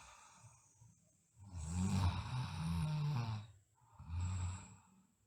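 Low rumbling snores with each breath in, two clear snoring breaths, from a sleeping child.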